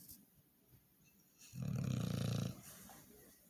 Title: snoring doggo